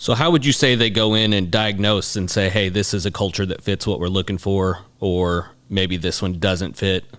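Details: Adult man speaking; typical speech.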